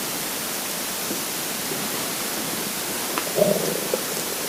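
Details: Steady hiss with one brief gurgling rumble near the end: a normal hunger growl (borborygmi) from an empty stomach.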